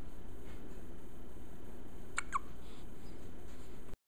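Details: Two brief, quiet hiccups close together over a steady low background hum; she gets hiccups every day.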